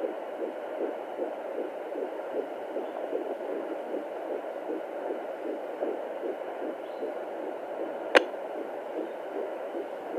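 Rapid, steady whooshing pulses over a constant hiss, with one brief click near the end: a fetal heartbeat at 14 weeks.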